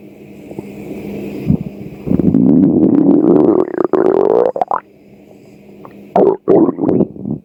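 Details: Long rising, groaning growl followed by short gurgles over a faint hum: hunger growling (borborygmi) of an empty stomach.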